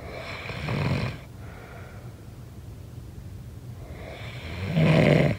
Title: SNORING SOUND